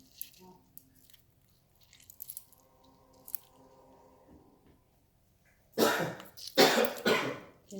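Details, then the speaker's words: A person coughs twice, loud and harsh, in the background of a kitchen after quiet clinks and a faint humming tone, while a homemade cough remedy is prepared for them. "You can hear that cough in the background. That's what this is supposed to help."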